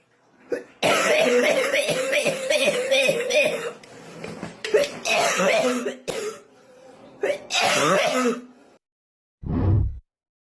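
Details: Short run of throaty coughs and throat clearing, then a brief final cough.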